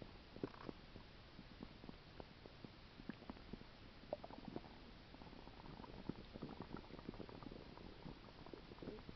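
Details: Soft, frequent crackling clicks and gurgles over a steady hiss, attributed to a stomach ulcer; active bowel sounds (stomach rumbling).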